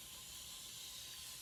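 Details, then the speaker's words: Tracheostomy suctioning demonstration on a patient with a trach, final catheter pass; tracheostomy suctioning. "I'm gonna go down one more time and make sure that you're all clear okay all right here we go last time"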